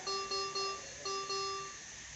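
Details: Maquet Servo S ventilator being serviced, at startup status check showing 0 bar air and oxygen supply pressure: repeating bursts of clear electronic tones, a ventilator alarm for a technical error with no gas supply pressure.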